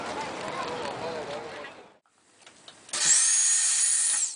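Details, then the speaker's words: Low rumble and speech give way to the high, steady whine of a dental drill as a presenter drills into a realistic robotic training patient at a dentistry university in Tokyo. "right well if radio presenting doesn't work out for me then at least I can become a dentist check this out for technique just drilling into the motor here"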